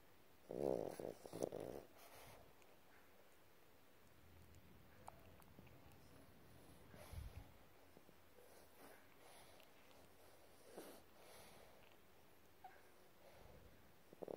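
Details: Boston terrier snoring: soft, irregular snorting snores, loudest at the start, then quieter rumbling breaths.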